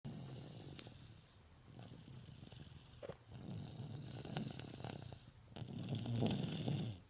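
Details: Congested subject (Ez, snoring lasted under a week) snoring: low, fluttering snores rising and falling over a few slow breaths, partly masked by room noise.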